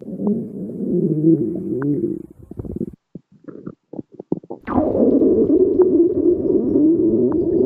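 Long, loud, low gurgling growls broken by a run of short bubbling pops; normal stomach growling, with faint music behind.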